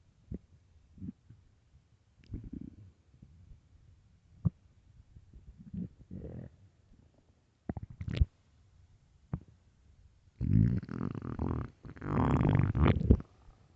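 Irregular gurgles and rumbles, then two long loud growls near the end; stomach growling on an empty stomach, a normal digestive sound.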